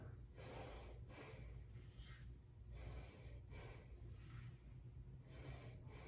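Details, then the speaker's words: Student nurse's stethoscope auscultation of a healthy patient's posterior chest (back) during deep mouth breaths: soft, even breath noise over low rumble, no added sounds; normal breath sounds. "okay dear everything sounds good I'm just gonna make a report of all this"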